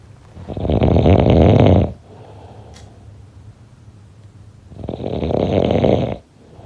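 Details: Two loud, harsh, rattling snores on breathing in, about 1.5 seconds each, with quieter breathing between; snoring during sleep.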